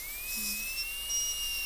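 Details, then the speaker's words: High-speed dental handpiece recutting the distal box of an MOD gold onlay preparation on a soft Kilgore preprepared practice tooth in a class demonstration, steady high-pitched whine slowly rising with water-spray hiss, burr leaned axially and facially. "So, let's just go ahead and recut the distal box. So, I'm going to lean the burr toward the axis."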